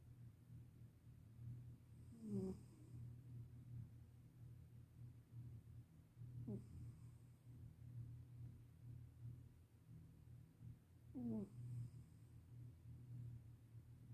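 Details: A sleeping black cat, rubbing his nose in his sleep, snores loudly in three rough, snorting bursts over a low steady background rumble.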